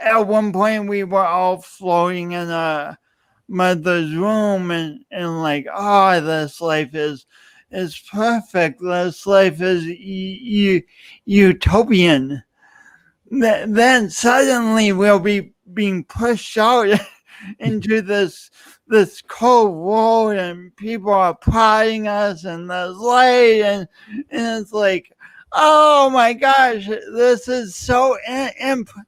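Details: Adult man with dysarthric speech, a pronounced lifelong speech impediment attributed to loss of oxygen and breath at birth; he also has an unusual walk.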